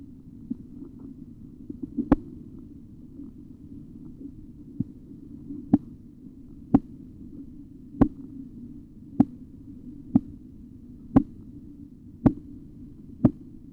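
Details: Auscultatory blood pressure measurement: sharp, regular tapping Korotkoff sounds emerge over a low steady hum during cuff deflation.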